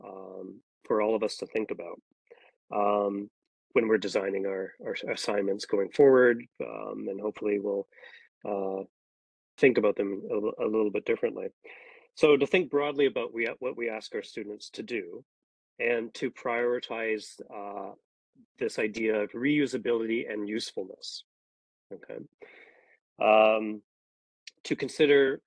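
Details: Adult man speaking; normal speech.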